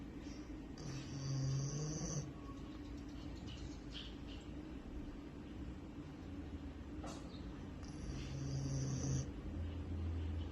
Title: Husky snores while sleeping